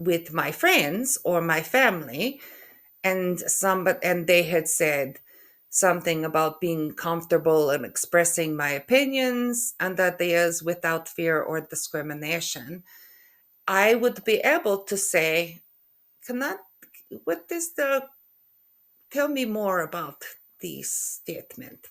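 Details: Adult woman with aphasia after a stroke in November 2023, with halting, effortful speech, syntax errors and comprehension difficulty.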